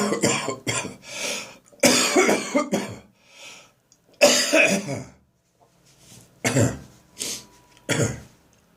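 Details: Several harsh, dry cough bursts with retching-like throat sounds between them, in the morning, from a person whose cough has become drier and less frequent and now makes them gag; dry cough with gagging.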